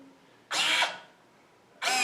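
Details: Automated bag-valve-mask ventilator, a low-cost prototype: whirring motor bursts, starting and stopping, as it squeezes the bag during a compression cycle.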